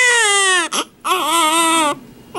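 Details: Two loud, sustained cries with a brief gasp between from a newborn girl just after an unmedicated vaginal delivery; strong, clear crying.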